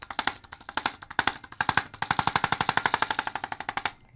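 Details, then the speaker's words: Chiropractic Arthrostim adjusting instrument used on a patient's neck to finish the area after manual adjustment: rapid, sharp, regular mechanical tapping in bursts. "I'm going to basically tap it and and kind of finish off the area that I didn't get to with my hand and this is a great tool I'm going to tap his neck now"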